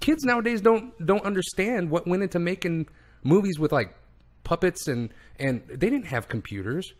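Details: Adult speaker; Normal speech.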